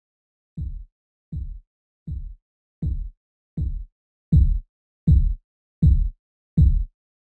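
Simulated Korotkoff sounds: regular soft thumps at about 80 a minute, growing louder midway, marking a 152/114 reading.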